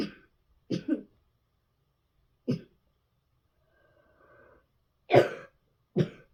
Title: Hard coughing in bed